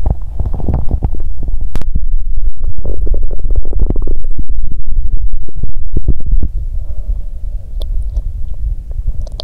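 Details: Active bowel sounds (borborygmi) from an adult woman's abdomen on day two of her period with abdominal pain: loud low gurgling and rumbling with irregular bubbling pops, quieter toward the end.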